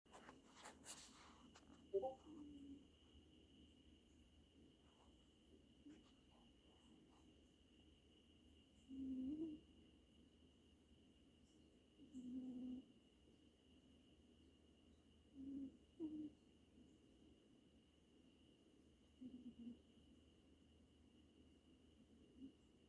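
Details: Quiet, low whistling breath noises recur every few seconds from an animal, fitting wheezing.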